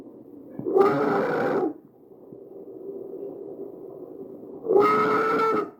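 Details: Tracheal stridor recorded from a real patient with an AccurSound electronic stethoscope and shown as a visualization.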